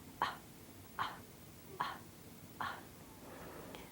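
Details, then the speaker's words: Infant swallowing while breastfeeding: soft, brief swallow clicks repeating steadily about every 0.8 seconds. "There should be a swallow with every suckle or every other suckle. Swallows slow down when baby wants to rest or when baby feels full."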